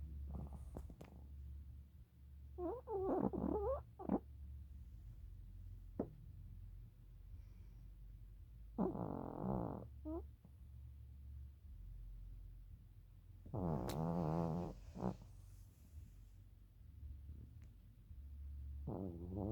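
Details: Sleeping subject snoring: squeaky, whistling, super loud snores recurring every few seconds, about eleven breaths a minute, over low room hum. Snoring.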